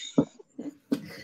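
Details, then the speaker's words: A person imitating a pet ferret's minutes-long sneezing fit that shook its thin body and a coughing fit that left it struggling for oxygen: three short, sharp, explosive bursts, simulated. "so I ended up texting Jill and Sarah because Peppa had basically had this mahusive sneezing fit which went on for minutes it was racking his entire little skin and bone body"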